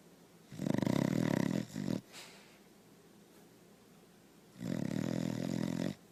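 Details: Sleeping dog snoring: loud, rattling, buzzy snores on the in-breath, with a short quiet pause before the next one.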